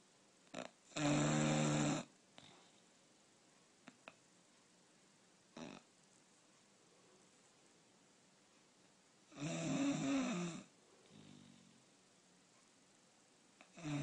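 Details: A sleeping bulldog, recorded in 2015: two loud, rattling snores about eight seconds apart, with soft snorts and sniffs between them. Typical flat-faced dog snoring.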